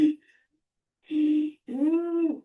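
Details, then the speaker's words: Vocal imitation of a wheeze during a lung-sounds review: two brief musical, whistling tones mimicking many narrowed small airways in the bronchial tree whistling at once, contrasted with stridor; imitated wheeze. "It's hard to fake a weeze. It's easy to fake a strider. Um, but you can hear that like"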